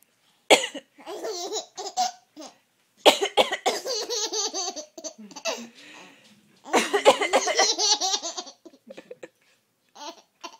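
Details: About three short, dry coughs from an adult, each followed at once by a baby's bright, rhythmic giggling; the baby laughs at every cough.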